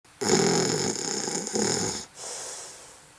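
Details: Snore sound effect recording; snoring.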